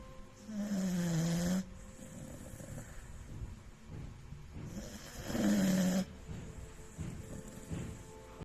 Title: #snoring #copper #beagle #10months old #beaglepuppy #dog